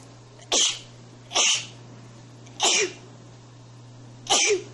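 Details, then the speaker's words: Four sharp, hissing sneezes in quick succession, roughly one a second, over a steady low hum, from a woman in a sneezing video: a sneezing bout. "HOLY SHIET! That's a lot of sneezes ಠ_ಠ How does she do it? *sneezes again* Incredible :D"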